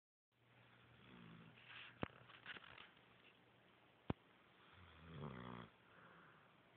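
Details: Sleeping dog snoring before waking up barking: soft snorting snores with a few sharp knocks in the room; ordinary snoring.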